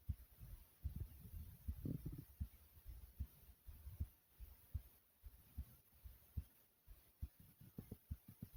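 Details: Person's own heartbeat recorded over 3 minutes, thumping hard: deep, regular, strong pounding beats at roughly 80 per minute over a faint hum.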